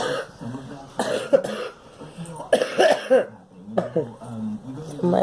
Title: Girl coughing